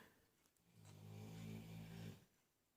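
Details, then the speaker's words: Dogs snoring in the background during acrylic painting: one long, low, rumbling snore from a sleeping dog in a quiet room. "my paints are mixed approximately 1:1 with Floetrol. The snoring is my dogs."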